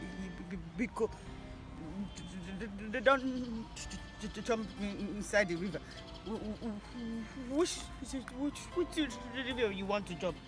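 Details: Adult speakers in an acted comedy skit; stuttering (acted).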